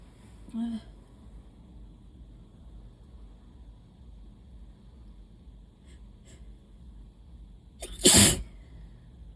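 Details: A short vocal sound and a few quick sniffs, then one loud, sharp, wet sneeze in a quiet room; allergy sneezing.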